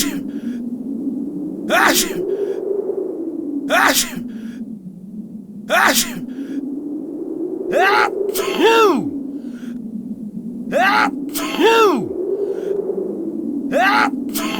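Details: Simulated sneezing by a person: acted sneezes about every two seconds, sharp bursts with short gasping inbreaths over steady low room hum.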